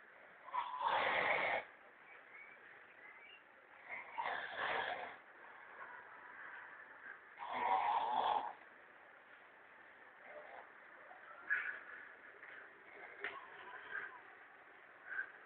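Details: Loud, harsh, rasping snoring from a sleeping person, about every three and a half seconds (roughly 17 a minute), recorded in 2006.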